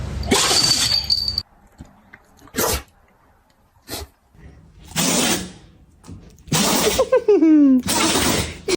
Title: Dogs sneeze #dog #animals #funny